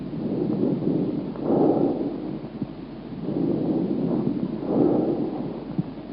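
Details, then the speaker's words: Bronchovesicular breath sound: expiratory sound more prominent than in vesicular breathing but still continuous, without the gap of tracheobronchial breathing. "right so the expiratory sound is more prominent than the vascular one but in bronchovascular it's still it's still continuous"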